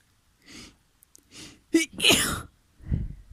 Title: Sneezing on you. :)